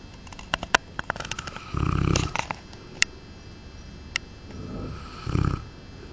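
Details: Large Cane Corso dog snoring "like a helicopter": two low, rough snoring breaths with sharp clicks and rustling between them.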